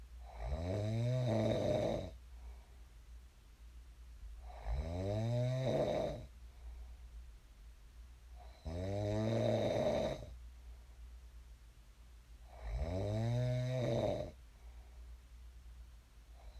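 Loud, rattling snores on each breath in, about 15 breaths a minute, with quiet breathing out between: steady snoring during sleep.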